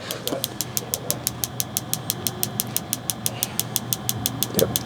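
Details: Focused shockwave therapy on an adult former football player's knee for patellar tendinitis with inflammation at the front of the patella: rapid, evenly spaced sharp clicking pulses, about three a second, over low room hum, intensity turned down.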